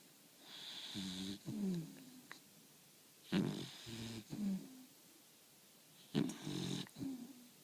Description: 4 month old puppy,Sweetie, snoring.